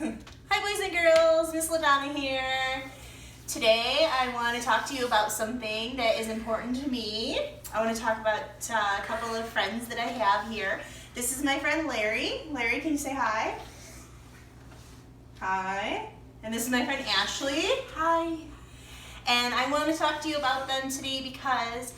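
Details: Adult woman speaking, with two brief greetings from other voices; typical adult speech.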